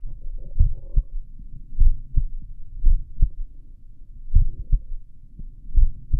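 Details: Own heartbeat recorded with a stethoscope at the apex while lying down: slow, clear lub-dub at about 45–50 beats a minute. Slow heart rate (bradycardia) with normal heart sounds.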